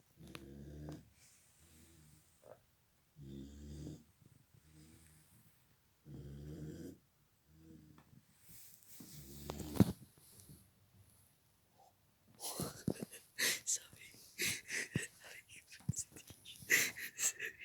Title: She snores...I love Puddle